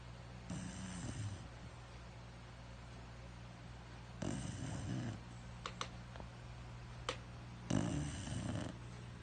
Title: Snoring dog